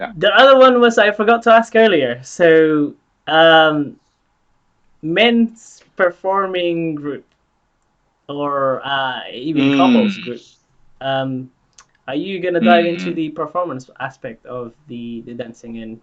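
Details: Adult speaker; typical speech.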